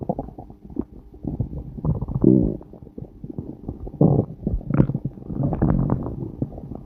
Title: stomach growling!!! n.n